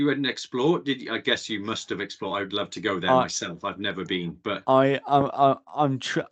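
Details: Adult male speaker; typical speech.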